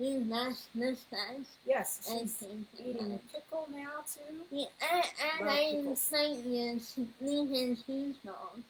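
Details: 21-year-old woman whose neuropsychological evaluation found level 2 autism, anxiety, needle phobia and a speech disorder; speech disorder.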